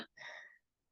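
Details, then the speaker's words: Imitated agonal breathing in a veterinary CPR (RECOVER 2025) talk: a single short breathy gasp, a reflex rather than true breathing, signalling a patient in or about to arrest: agonal breathing, simulated. "usually these patients are sort of staring off into space if if at all you know if you're um able to see their eyes they're staring off into nothing um nobody's home sort of thing and it's sort of like a gasp like"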